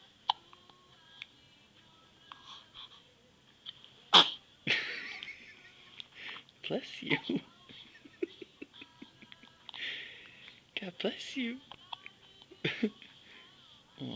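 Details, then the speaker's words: Baby boy with hiccups, filmed by his new father: short abrupt hiccup catches among soft vocal sounds and adult cooing, with one sharper burst from a sneeze. "You got the hiccups. Yeah, you do. Yeah, you do. Yeah, you do. Yes, my. Aw, got the hiccups really good, don't you?"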